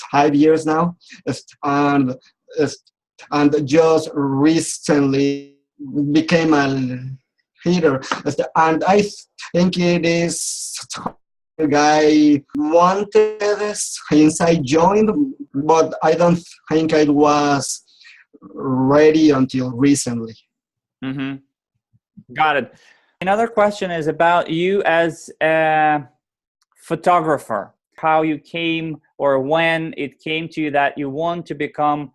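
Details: Adult man who has stuttered since age 4 and says he still clearly stutters; speech therapy and support groups helped him; stuttering.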